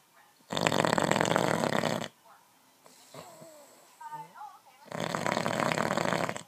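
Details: Husband's heavy snoring during sleep: two loud, harsh, rattling snores about four seconds apart with faint squeaky sounds between.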